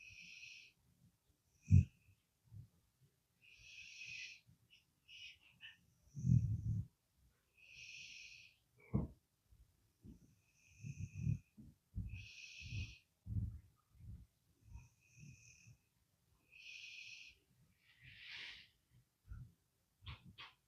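Soft whistling, hissy breaths with occasional snorts, about 13 a minute, in a quiet room: a sleeping dog snoring.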